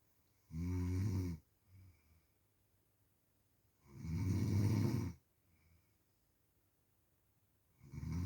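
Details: Loud, low rumbling snores on each inward breath, roughly 16 a minute, with quiet pauses between: ordinary snoring.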